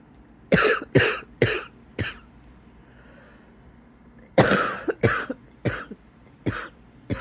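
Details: Wheezy cough in bed after waking, before getting up: two runs of four and five harsh coughs with a rattly, wheezy edge between the bursts.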